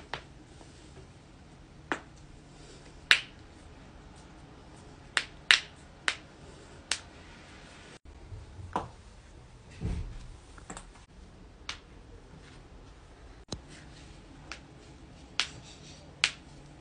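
Sharp, brief popping clicks at irregular intervals, typical of knuckles or other joints being cracked.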